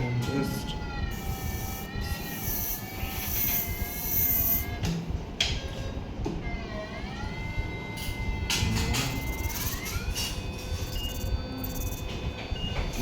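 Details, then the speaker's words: Steady phaco machine drone with rising and falling tones while sculpting a groove in the nucleus, after hydrodissection and rotation, during topical phacoemulsification of an NS3 cataract; irrigation running. "So here I'm just making a small groove. The irrigation coming in and"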